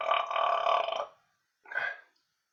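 A long, loud rumbling belch of about one second, then a shorter second belch: burping.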